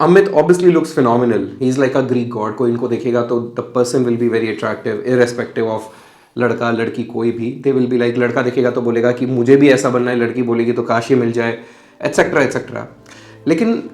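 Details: Adult man speaking; Normal conversational speech.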